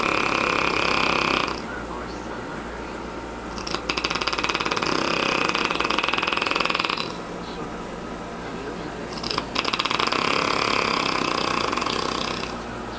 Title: motorcycle snoring !!!